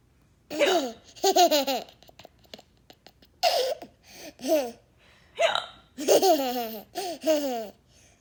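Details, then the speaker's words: Fake, imitated hiccups from someone who had real hiccups earlier: several sharp, voiced hiccup-like gulps with laughing between them; simulated hiccups. "What? I have the hiccups."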